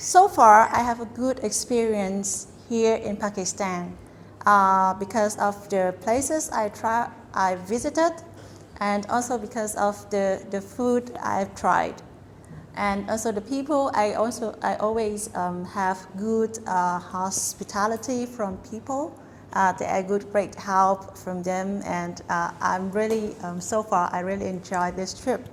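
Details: Adult woman speaking; fluent speech.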